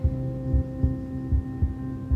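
Regular low thumps under a steady humming tone, roughly 70 beats a minute: a heartbeat played through a stethoscope device.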